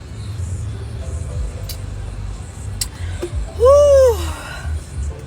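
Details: A single loud voiced belch after drinking Sprite in a challenge, over road and background noise; the drinker says it hurts.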